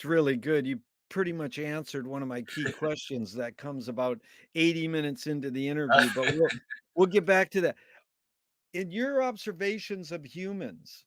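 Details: Adult male speaker; Normal speech.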